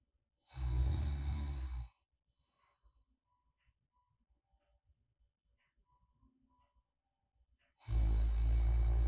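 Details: Light snoring during deep sleep: two deep, rumbling snores about six seconds apart with quiet breathing between, the mild kind attributed to muscle relaxation narrowing the airway in deep or REM sleep, seen as harmless.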